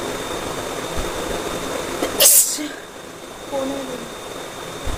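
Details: A single sharp, loud sneeze over steady background noise, with faint voices afterwards, during a sneezing challenge between a parent and son; an ordinary sneeze.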